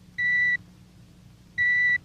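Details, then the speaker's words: Audiometer test tones in a dramatized hearing exam, with earphones on a patient: two identical steady high beeps, each under half a second, as pure test tones. "the electronic tone of the audio meter probes the depths of the passageway for sound"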